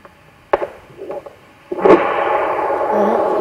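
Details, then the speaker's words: Doppler probe over a leg varicose vein on the affected side, from a varicose vein clinic segment: after probe clicks, a sustained rushing wind-like roar of venous reflux, unlike the short bark-like normal flow. "아 여기에 지금 정맥류가 있으신 거예요 그라프 도 이제 소리가 나오고요"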